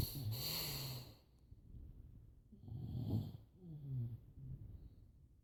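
Low rumbling snores on the in-breath, with a snort, from more than one sleeper, plus faint hissing breaths.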